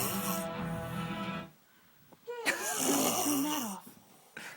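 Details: Loud buzzing snore on an in-breath from a sleeping person whose jaws visibly move, then a pause and a second rough, fluttering breath.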